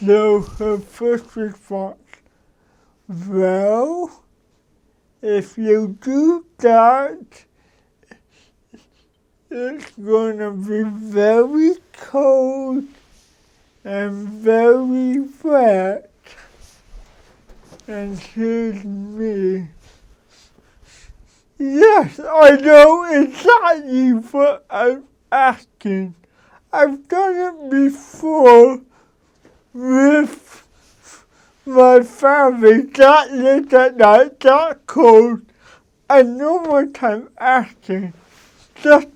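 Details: Dysarthria in an adult man who has lived with cerebral palsy for 53 years; he adjusts his speech so others can understand him.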